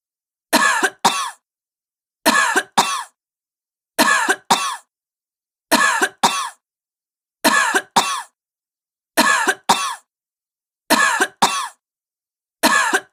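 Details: Sick woman with a repetitive cough: about sixteen coughs in eight pairs of two quick bursts, repeating at a steady pace.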